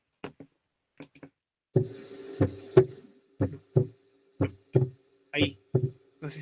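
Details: Lub-dub heart sounds at about 60 beats a minute over a steady background hum; the second sound is split: split S2, played as a teaching recording.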